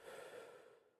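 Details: Normal deep breaths in and out through the open mouth, as asked during a respiratory examination: a soft, airy breath fading within a second, ending in a faint click.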